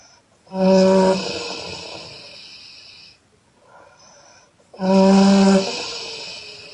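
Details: Loud exhale snoring by a Chinese girl: two loud, buzzing snores, each fading into a long breath, about four seconds apart; heavy snoring.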